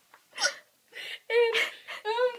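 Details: Short, sharp voiced catches in the breath, some with a squeaky vocal tone, in a quiet room; hiccups.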